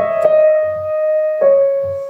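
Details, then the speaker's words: 30-year-old female musician with tinnitus imitates her two tinnitus tones on a keyboard: sustained mid-pitched notes, the second one slightly lower. "ça c'est la première note mon premier acouphène c'est là que je vais commencer de la mélodie et mon deuxième acouphène c'est cette note là"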